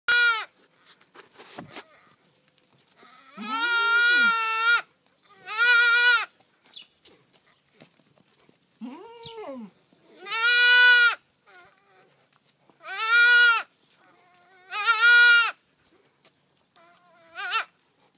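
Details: Young goat kid crying after dehorning, while its dehorned sister sits quietly: loud, repeated, drawn-out bleats, about seven calls; distress bleating.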